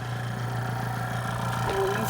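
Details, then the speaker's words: Suction machine switched on and tested before tracheostomy suctioning, after draping the patient and hyperoxygenating: steady, low motor hum with constant vibration; pressure adjusted to between five and ten. "i'm going to drape my patient i'm going to test my suctioning equipment okay turn it on i'm gonna clean it"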